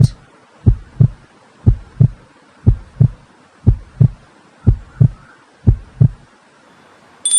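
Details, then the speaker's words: Steady lub-dub heartbeat at about 60 beats a minute, regular, with two clear sounds per beat; a normal heartbeat given as an example of a soft sound in a children's lesson on the ear. "Example of soft sound: chirping of birds, hiss of a snake, beating of heart,"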